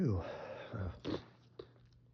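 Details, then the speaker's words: Sneeze from seasonal spring pollen allergy while trying to hold it back during a reading aloud beside an open window: a drawn-in breath, then a single sharp sneeze burst, then quiet room noise. "I'm trying to hold these back. It's so hard when I'm trying to talk."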